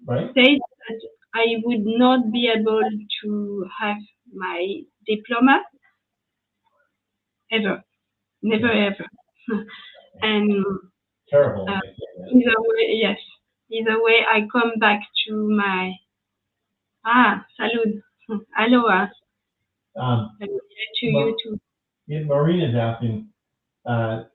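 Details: Young woman, French, with lasting aphasia after an ischemic stroke at age 22 in July 2011; initially mute for 10 days, then a year of rehabilitation; speaking years later, still recovering language; post-stroke aphasia.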